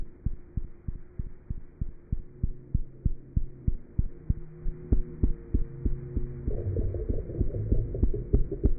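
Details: Cat's heart sounds through a stethoscope: fast, regular low thumps at roughly 190 a minute with a faint steady hum.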